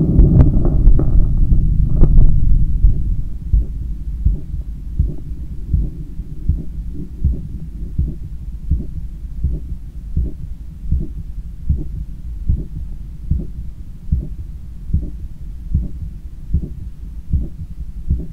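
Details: Stethoscope recording of own heart after a 10km run, lying on a daybed leaning on the left side while controlling breathing: fast, strong, regular beats about 105/min with breathing noise at the start; normal heart sounds after exercise.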